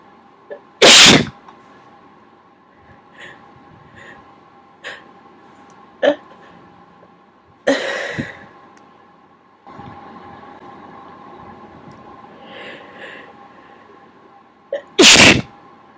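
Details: Repeated sneezing provoked with a q-tip: three loud explosive sneezes with quieter sniffs and breaths between.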